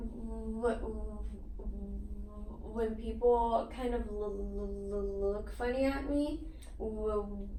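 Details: Child who stutters, in a speech therapy session, reports hard eye blinks, getting stuck and pausing, repeating sounds and moving the head forward when stuttering; stuttering.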